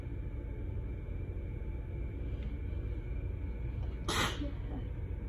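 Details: A single sharp sneeze over low road rumble, during an intensely itchy allergic sneezing fit after bleach-water exposure, with pollen, while loopy from nighttime medicine.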